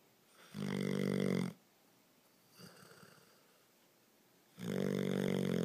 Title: Bear snoring